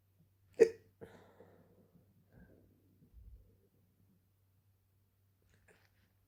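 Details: Hiccups starting suddenly at bedtime right after drinking a glass of water: one sharp, abrupt hiccup followed by faint breathy sounds in a quiet room.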